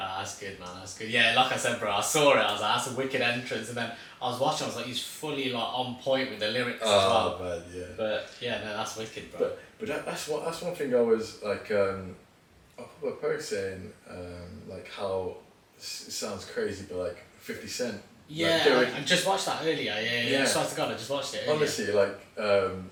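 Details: Adult male speaker; typical speech.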